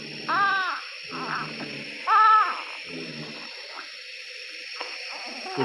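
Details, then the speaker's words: Newborn in the NICU on oxygen for respiratory distress gives short, repeated voiced grunts (painful-sounding cries) with a raised breathing rate; expiratory grunting. "दर्द परी आवाज कराना इसको medically grunting कहते हैं"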